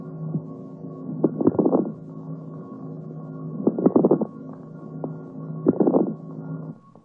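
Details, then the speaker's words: Bursts of bubbling, popping crackles with each breath over a steady low hum on lung auscultation in a teaching recording: moist rales, from liquid secretion collected in the bronchi. "При скоплении в бронхах жидкого секрета над лёгкими можно выслушать влажные шлипы."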